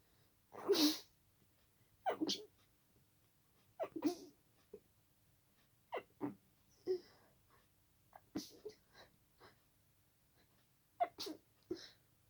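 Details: Run of short, muffled sneezes at night, deliberately held back to stay quiet, with a few fuller ones escaping; stifled sneezes.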